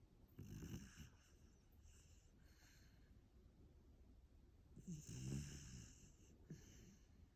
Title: After a big puppy day😪❤️ Hear that snoring!?